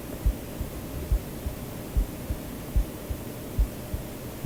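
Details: A real self-recorded human heartbeat mixed into a sleep-aid track, with steady, regular low thumps in pairs at about 70 a minute under white noise; normal resting heartbeat.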